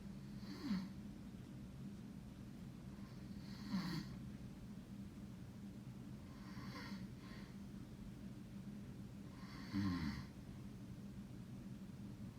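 Rough, low snoring on each breath about every three seconds, roughly 19 breaths a minute, in a quiet room.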